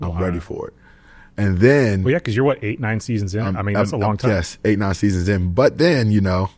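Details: Adult men in conversation; normal speech.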